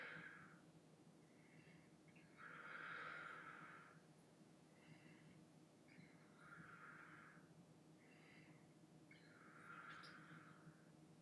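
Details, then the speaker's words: Posterior chest auscultated with the stethoscope diaphragm in a ladder pattern while the patient takes deep breaths through the mouth: soft rushing breaths over a low steady hum, about six breaths, no wheeze or crackle; normal breath sounds. "I'm going to ask my patient that every time I toss you with the stethoscope you're going to take a deep breath in and out through your mouth"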